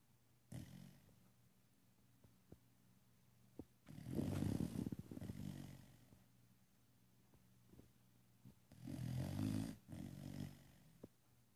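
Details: Snoring from a sleeping dog: deep, fluttering snores on two in-breaths with quiet gaps and faint clicks between.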